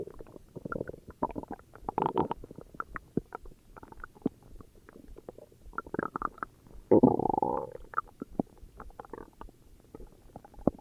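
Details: Stomach growling (borborygmi): bubbling, gurgling and creaking rumbles coming and going over about ten seconds, from gas and fluid moving through the gut.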